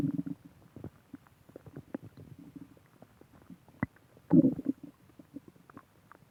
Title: Stomach growling